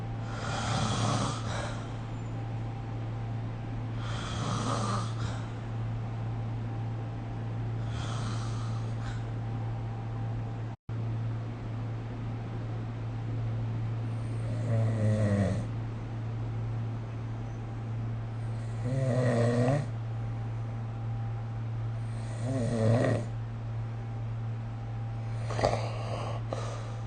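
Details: Snoring during sleep recorded with the SnoreLab phone app: rhythmic snores, about seven in under half a minute, over steady background hum.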